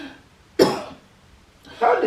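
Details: Two forceful, harsh cough bursts, faked by a wife as a prank on her husband, pretending to cough up blood: acted cough, not real illness.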